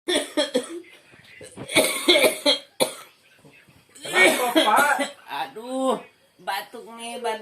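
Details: Simulated, acted adult cough in an ad about feeling feverish and achy from a cold (masuk angin): harsh, bursting coughs in short runs followed by groaning voiced sounds.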